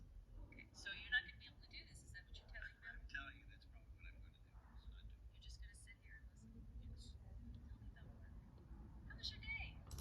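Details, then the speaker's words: Very faint, thin, muffled speech over a low rumble: a simulation of average-volume talk heard through the left ear with moderate rising bilateral hearing loss, based on a January 2023 audiogram, without hearing aids. "okay so again this is how it might sound like with her hearing loss listening to someone talking at an average volume"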